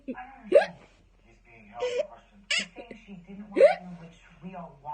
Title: has the hiccups